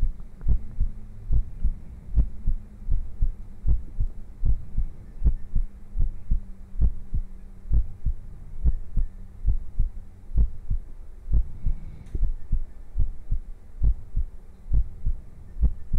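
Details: Streamer's heartbeat from a livestream heartbeat compilation: steady, regular low thumps at about 70 beats per minute over a faint hum; a normal heartbeat.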